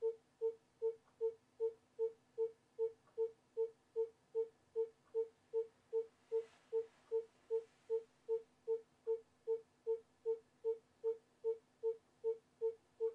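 Steady, rapid pulsing tones at about 150 a minute from a simulated fetal monitor; a normal fetal heart rate.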